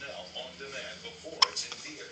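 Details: Baby boy with repeated hiccups: a single sharp, abrupt hiccup breaking through soft background talk.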